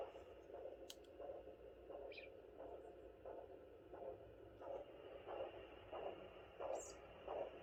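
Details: Doppler recording of the mother's own heartbeat at 32 weeks pregnant with fourth baby: regular whooshing pulses at about 85–90 a minute, much slower than the fetal rate; maternal heartbeat.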